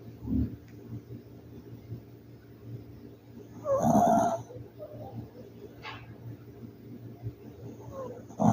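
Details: City dog snoring while asleep: soft, rough snorting breaths every few seconds over a quiet background.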